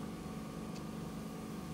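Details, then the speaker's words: Continuous low steady hum of a fine-end microsuction tube during removal of a sticky ear wax plug by a nurse, quieter than a full-size tube. "Because it can be a little noisy with a full-size tube."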